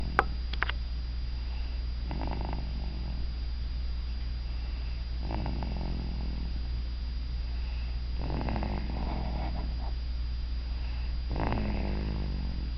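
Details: A sleeping cat, McKenna, snores softly, with rattly breath sounds about every three seconds over a steady low hum; snoring.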